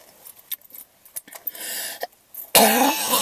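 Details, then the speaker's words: Person who swallowed saliva that went down the wrong way: scattered small noises, then a sudden loud, rough, forceful cough burst; choking cough. "yeah i'm fine i just swallowed some spit just went down the wrong tube but thank you though"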